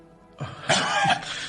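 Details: Two short, harsh, dry cough bursts from an adult, acted for comedy, after swallowing something cold, jokingly feared to be coronavirus; faint background music; dry cough.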